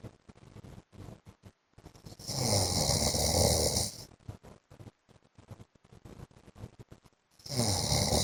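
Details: Heavy snoring from the owner's sleeping husband: loud, harsh snores on breathing in, with crackly, sputtering breathing between them.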